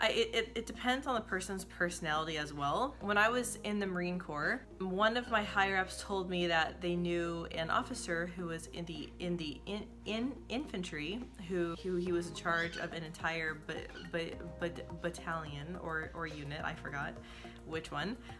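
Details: Woman who describes herself as a person who stutters; stuttering.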